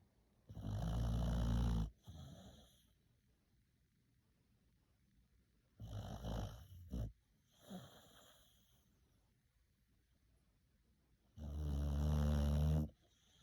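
Loud, deep rumbling snores from a sleeping dog, each followed by a softer out-breath, about five seconds apart.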